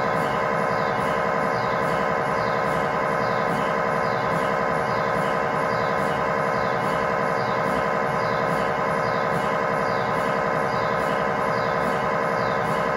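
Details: Loud steady buzzing and rhythmic knocking inside the scan room during a lower-leg (tibia/fibula) MRI sequence, performed with a GE high-definition lower-extremity coil (stated as 16 or 8 channel) as a test scan; normal MRI scanner noise.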